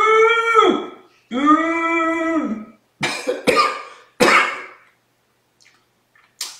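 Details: Cough triggered during a demonstration of ujjayi pranayama, resistive inhalation through a constricted larynx: two long, throaty, humming breaths, then three sharp cough bursts and a fainter fourth; cough.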